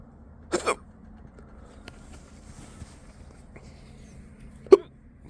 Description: I had the hiccups earlier this morning but they went away quick, then came back again full force after lunch! Guess I'm stuck with them now.